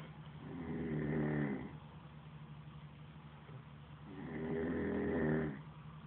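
Two slow, rumbling snores on the in-breath with quiet pauses between them, typical snoring.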